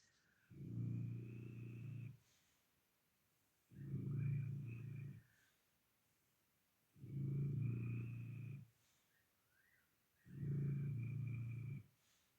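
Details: Snoring: four deep, rumbling snores at about 19 a minute, each about one and a half seconds long, with quiet gaps between.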